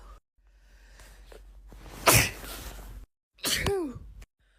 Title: Natural sneezes